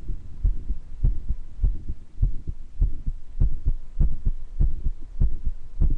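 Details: Self-recorded heart murmur, improved recording, with occasional wheezes from mild bronchitis: regular, fairly quick heartbeats with a low whooshing sound around the beats.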